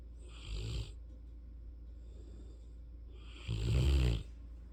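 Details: Sleeping Mastiff/Rottweiler puppy snoring "like an old man": two deep, rattling snores with a whistling edge, separated by a quiet pause, over steady low room hum.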